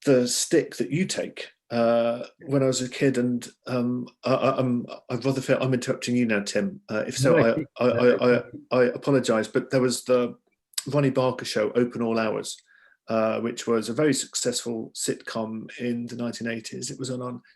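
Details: Adult man who says he stammers, mainly on s, hard c and k sounds, with blocks on words, speaking in a Zoom discussion: stammering.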